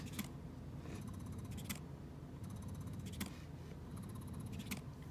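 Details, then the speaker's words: Spectra S2 electric breast pump running: low steady motor hum with a soft rhythmic click and hiss about every 1.5 seconds. The internal motor is not too loud but may vibrate on the surface. "motor in it it's not too loud what I will say is that because the motor is you know inside the pump whatever you set your pump on it may vibrate a little"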